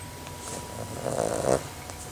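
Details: Female dingo pup asleep and snoring: one rough, fluttering snore on a breath in, rising and then fading, with faint room hum behind it.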